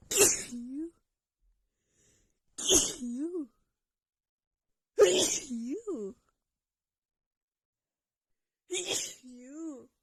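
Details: Female with a bad head cold and unbearable nasal tickle: sneezing fit of four sharp sneezes about every two to three seconds, each ending in a short voiced sound.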